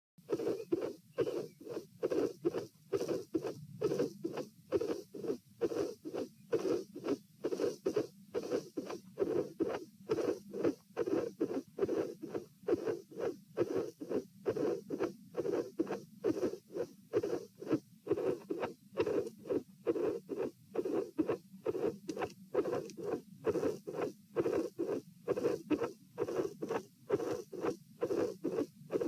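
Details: Heart sounds recorded at the pulmonary area with the patient sitting, with a dilated aortic root: regular beat near 67 a minute with a soft whooshing midsystolic murmur. Irregular beats were edited out.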